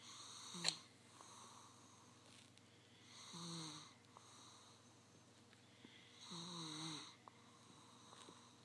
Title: Cutest little snore :)